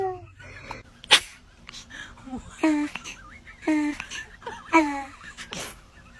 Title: Cute Angel Babies sneezing 🤧😅 #funny #baby #funnyvideos #cutebaby #cute